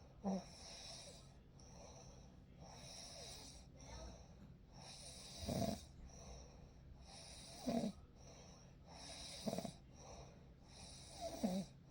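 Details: Real night recording of sleep: soft, slow snoring bursts about every two seconds over a steady calm background hum; ordinary sleeping snore.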